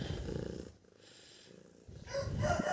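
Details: Domestic cat purring when comfortable: a low, rumbling purr that fades briefly mid-clip; normal contented purring.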